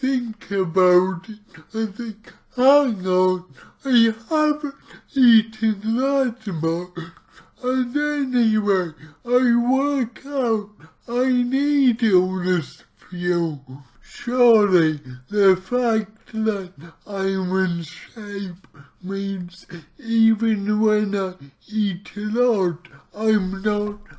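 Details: Dysarthria from his own cerebral palsy; heavily distorted speech.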